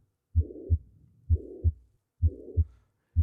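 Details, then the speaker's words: Played recording of a holosystolic murmur, suggested to be a ventricular septal defect, heard as a harsh murmur through systole; holosystolic murmur. "I have a holocystolic murmur okay okay here it is that sounds bad what is that again is that a a defect yeah ventricular simple defect yeah yeah that's what that sounds like"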